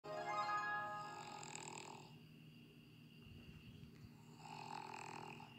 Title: snoring